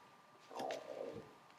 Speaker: Et bah, dis donc, je ne sais pas si vous entendez, mais... Oh. Pardon. Ça gargouille sévère.